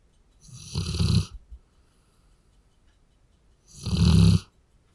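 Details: Sleeping Labrador, a large dog, snoring: two deep, rumbling snores about three seconds apart with quiet pauses between.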